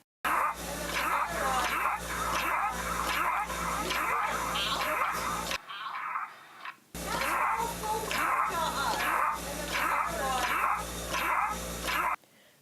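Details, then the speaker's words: Dog with marked inspiratory dyspnea: loud harsh noisy breathing about 85 a minute with strained in-breaths; stridor, with hypoventilation on blood gas (PaCO2 62, PaO2 61.9). "this dog has a marked inspiratory dyspnea. That sound that you're hearing is called stridor."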